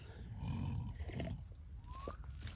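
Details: Adult man asleep in a tent on a wildcamp, low rough rumbling snores, with a brief high whistling sound from a dog in the background; snoring.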